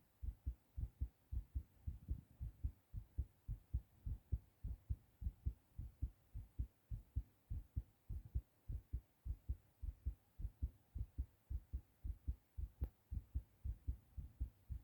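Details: Male recording his own heartbeat after a hard cough while sick: rapid, strong, regular thumps at about 110 a minute, a fast heartbeat (tachycardia).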